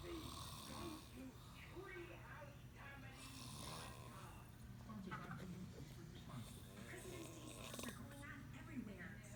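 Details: Adult man (furniture salesman) asleep at work, low rumbling snoring partly masked by nearby talking and background music; snoring.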